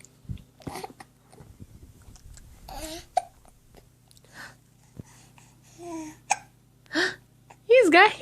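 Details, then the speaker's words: 4-month-old baby hiccupping while pooping after eating: quiet room with soft baby sounds and several short, abrupt catch-like squeaks; infant hiccups. "do you HIC up you got hiccups now you pooping hiccups w wow"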